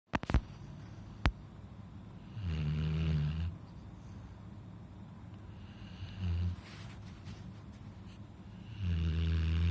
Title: Funny Labrador snoring like a grandpa. Watch till the end